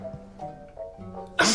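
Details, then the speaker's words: Sneezing: soft music, then one sudden, loud, explosive sneeze. "hey thanks for joining me again you do realize that her fever symptoms include sneezing"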